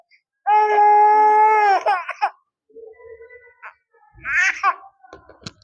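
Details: Irritable infant cry.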